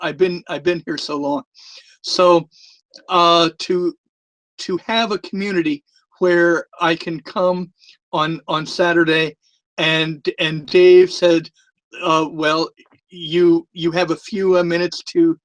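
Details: Adult male who lisps, especially with the microphone close to his mouth, and stutters from time to time; stuttering.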